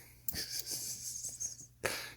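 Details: Sneezing: two sharp, hissing sneezes with snuffling nasal breaths between them.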